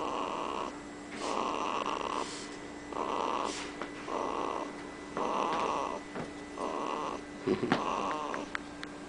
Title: One month baby snoring